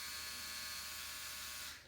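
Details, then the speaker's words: Tuning fork placed on the mastoid bone behind the ear during a Rinne hearing test in a cranial nerve 8 exam, heard about 5 seconds: steady high pure tone, fading at the end. "So I am first going to just place it behind your ear on that bone there. And what you're going to do is tell me when you start hearing it and when you stop hearing it, okay?"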